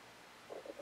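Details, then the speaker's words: Hungry adult woman's stomach: quiet room noise, then a short run of soft gurgling bursts; ordinary stomach rumbling (borborygmi) from hunger. "Can you hear my tummy rumbling? Wow. I'm a very hungry person."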